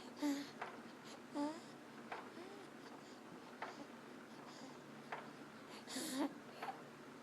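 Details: Sleeping newborn (third baby), swaddled in a swing at a 30° upright angle: high, squeaky, crowing noises on breathing in, the inspiratory stridor of laryngomalacia, reportedly louder when lying on his back.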